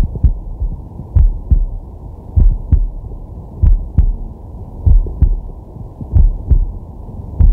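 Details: Resting, sleeping man's heart heard through a digital stethoscope on his chest: steady paired lub-dub beats at about 48 a minute over a low steady hum, normal heart sounds.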